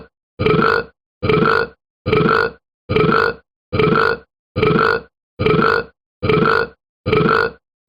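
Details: About a minute of repeated burping: nine loud, evenly spaced low rumbling belches, about 72 a minute, with silent gaps between; burping.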